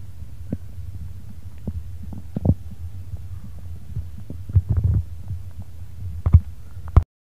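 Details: Own heartbeat and stomach sounds recorded together: a low steady hum with soft irregular low thumps and a few louder knocks; a muffled heartbeat mixed with gut noise.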